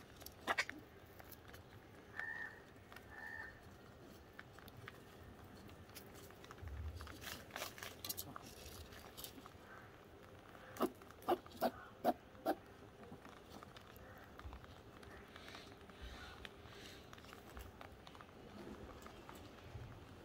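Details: Rabbit eating wheat seeds: crunching, then a quick run of small, sharp sneezes in a quiet room.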